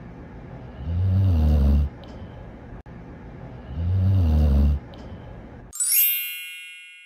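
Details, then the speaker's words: A sleeping dog snoring: two low, rumbling snores at about 21 a minute, followed by a bright chime. "what did you hear the correct answer is snoring dog"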